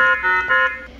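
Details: Alarm from a Maquet Cardiosave intra-aortic balloon pump (IABP), the new version of the machine, during a device demonstration.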